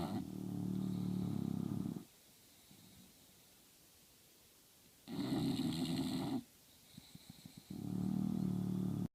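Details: Sleeping English bulldog: loud, rattling low snores on each in-breath with quiet pauses, three snores in about nine seconds: heavy snoring in a flat-faced dog.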